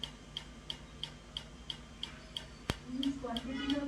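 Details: Regular sharp ticking clicks, about three a second, from a laser firing during removal of an old, poorly done tattoo on a man's arm, with faint voices and music behind.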